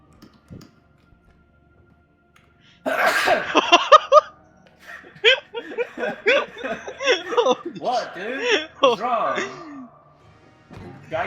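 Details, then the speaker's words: One loud, abrupt sneeze during a gaming stream, followed by animated talk and laughter, with background music. "[ __ ] SNEEZE ANYMORE? >> I CAN'T HELP."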